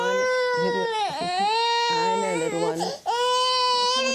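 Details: Unwell, chesty young girl with a cough cries loudly in sustained high-pitched wails with brief breath catches during a GP throat examination: infant crying.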